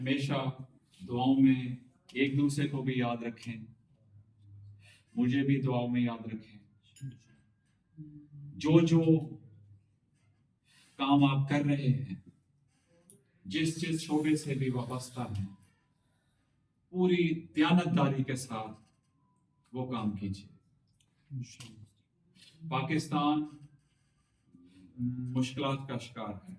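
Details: Adult man who has overcome stammering, giving a closing speech after a three-day stammering course using the fluency techniques he teaches: deliberate long pauses and a projected voice; stuttering controlled with fluency techniques.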